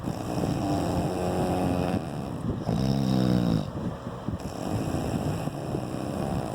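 Loud, rough, rattling snores through steady low background noise, rising and falling with breathing.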